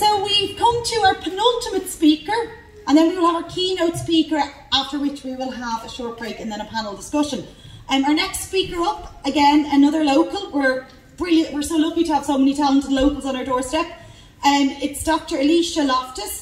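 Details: Adult woman speaking; normal voice.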